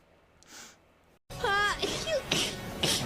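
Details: Streamer sneeze compilation: quiet room, then a loud voiced outburst followed by two sharp, airy sneezes, and others say "bless you"; sneezing.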